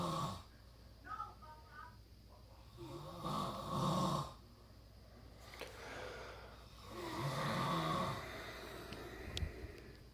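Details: Son sleeping after a long road trip: rough, rattling snores about three in ten seconds, quieter breathing between, small room; snoring.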